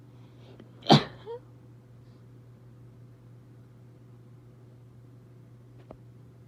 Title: Desperate sneezes I couldn’t hold them in